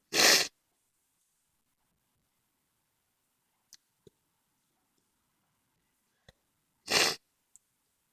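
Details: Two sharp, explosive sneezes about seven seconds apart in a quiet room, with faint clicks between; sneezes during a cold: sneezing.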